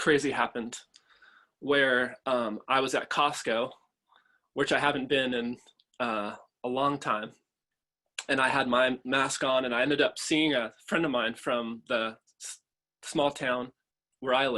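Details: Adult man, a father, who stutters and chooses to stutter openly; stuttering.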